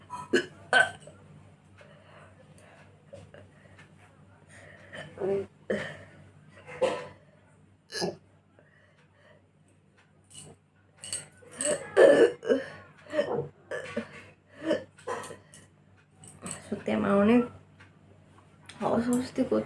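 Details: A person doing a hiccup and burp challenge: irregular short gulping and burp-like sounds, sometimes in quick clusters, with some laughter; hiccups mixed with burping.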